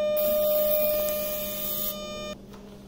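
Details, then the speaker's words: Steady electronic buzzing tone for about two seconds, then it stops, as the foot switch is pressed on a 400-watt electrosurgical (cautery) unit set to pure cut mode. "Now I'll show you the cut. I have kept the machine on pure cut mode. I'll first press the foot switch."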